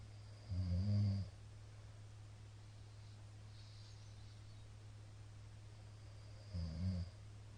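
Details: Middle-aged man's very loud snoring during sleep, recorded 17 April 2022: two loud, low, rattling snores about six seconds apart over steady background hum.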